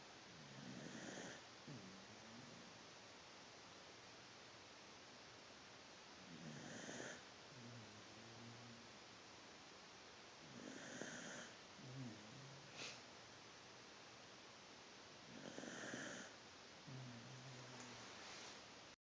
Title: Willow snores :)